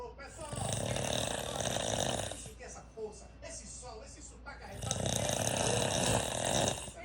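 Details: A father snoring heavily during sleep: loud, harsh, rattling snores with quieter pauses between; snoring.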